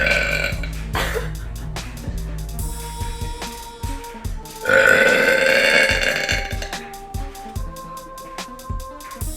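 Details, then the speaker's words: A girl deliberately makes long, loud, voiced belches over background music after a chicken sandwich for supper; burping. "the people have spoken you guys really liked part one of the burp video so i guess i'm gonna give you a part two"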